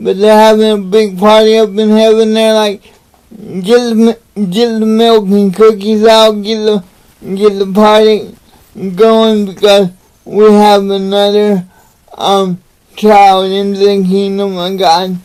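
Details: Adult man with cerebral palsy, real patient; dysarthria (cerebral palsy).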